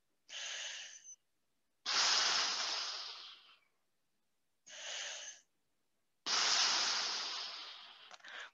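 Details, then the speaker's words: A POWERbreathe inspiratory muscle trainer held handle down, breathing low into the abdomen and lower ribs: long, strong, full hissing inhalations through the resistance, then slower exhalations with a slight pause. Correct full-inhalation technique. "you want the inhale to be strong and full and the exhale to be slow with a slight pause before you start the next breath"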